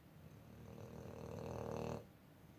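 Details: Sleeping 2-year-old male brindle boxer, tired from a day of play, snoring very loudly: a single loud, rumbling inspiratory snore building then stopping abruptly; snoring.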